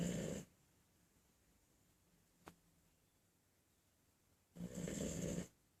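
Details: Bulldog sleeping on a couch: loud, harsh snores about four seconds apart with silence between; snoring in a flat-faced dog.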